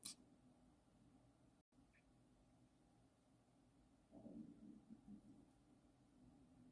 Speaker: 안에서 꼬르륵 때나 배고픈가 봐.